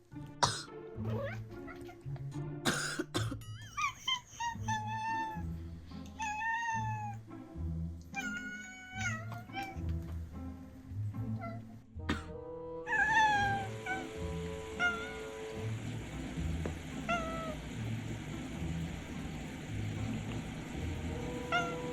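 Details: Two short, sharp coughs from the adult cat owner, followed by the cat's drawn-out complaining meows in reaction, over background music.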